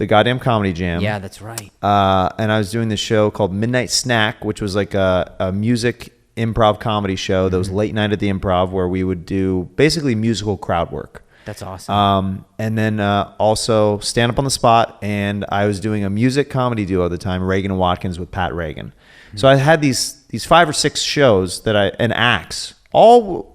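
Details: Adult male speaker; normal conversational speech.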